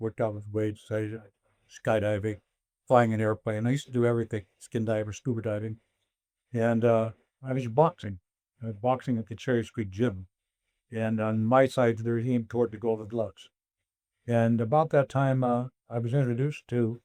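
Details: Older adult man; normal speech.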